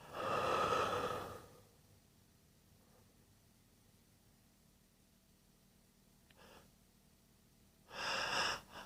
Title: Big induced sneezes, breathy buildups, triple sneeze (M)